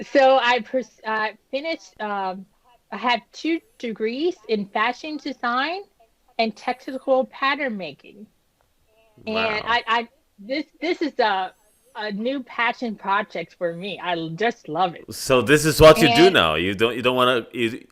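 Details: Woman with post-stroke aphasia and apraxia of speech after an ischemic stroke at age 36 that damaged about a third of her brain, including the speech center; initially unable to speak; almost 10 years later, with repetitions and word-finding pauses.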